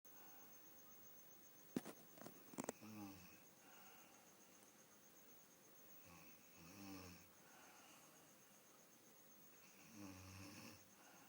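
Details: Sleeping grandmother: low, rough snores on the in-breath roughly every three to four seconds, over steady room noise with a faint insect-like hum; ordinary snoring.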